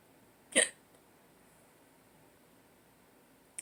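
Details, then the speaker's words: Adult who woke up with hiccups after possibly drinking too much the day before: a single abrupt, sharp hiccup in a quiet room, with the start of another at the very end. "I may have drank too much yesterday. And I woke up with hiccups."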